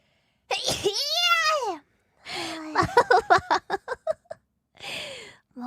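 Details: VTuber character: high-pitched voiced sneezes, one long squeaky sneeze, then a rapid run of short bursts and one more soft sneeze; sneezing, numbered compilation 172–177.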